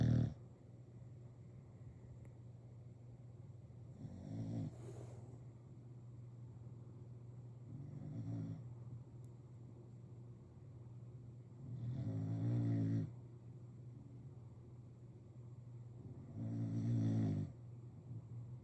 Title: Listen to those bulldog snores.